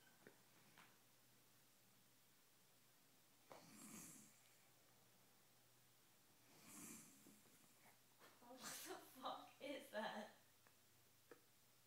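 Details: A sleeping person snoring, likened to a horse: a quiet room with a few slow, rough breaths, then a cluster of snorts near the end.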